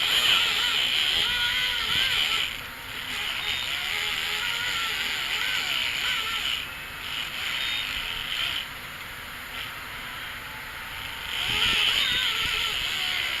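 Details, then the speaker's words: Dental polisher during the final polishing step of a dental cleaning for tartar buildup in Molly, a 7-year-old anesthetized pet; steady high whirring, rising and dropping as it moves across every tooth surface. "so basically the final step of this dental is to polish and polish everything and just hopefully prevent the Turner from coming back as quickly"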